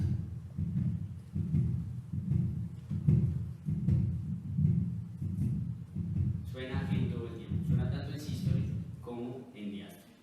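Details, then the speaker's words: Patent ductus arteriosus, with a ductus that failed to close after birth, shunting from aorta to pulmonary trunk: low continuous machinery murmur swelling each beat, about 78/min, through systole and diastole. "Y por eso ahí estaría el retorno también pasando de la aorta hacia la pulmonar y también sonaría el diástole."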